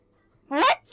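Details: Cute small sneeze: a single short, high-pitched squeaky burst.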